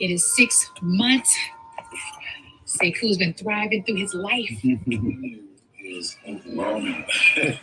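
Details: Adult speaker; normal speech.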